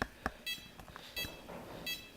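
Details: Short, regular pulse-oximeter beeps with faint room noise from an OxiMax N-85 capnography/pulse-oximetry monitor while the patient hyperventilates for demonstration; end-tidal CO2 falls to 28, then 20, with SpO2 100%.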